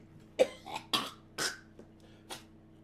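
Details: Four short, dry coughs with pauses in a quiet room, from an adult smoking cannabis dabs during a livestream who thought the smoke was affecting him but believes he is sick from germs caught via his puppy.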